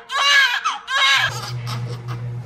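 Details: Newborn baby girl's first cries just after hospital delivery, following labor with contractions since midnight: two strong, high-pitched cries, then steady low hum of room equipment; vigorous normal first cry.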